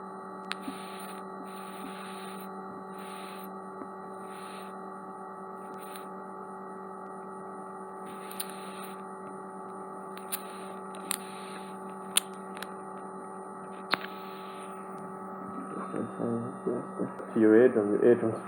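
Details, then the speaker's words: Live micro-suction of earwax from the left ear, impacted onto the eardrum's anterior recess by cotton-bud use; the eardrum vibrated during removal. Constant suction hum with clicks and crackles, rising to louder rattling near the end. "They'd been using a cotton bud in their left ear and impacted some earwax directly onto the eardrum. It's going to be a bit noisy, as I said."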